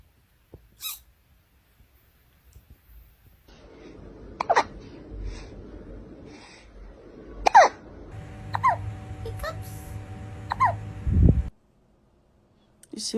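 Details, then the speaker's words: Cat that ate its food too fast gives short, abrupt squeaky hiccups, about 20 a minute, over faint room noise. "you eat too fast. Do you have the hiccups? Oh, baby."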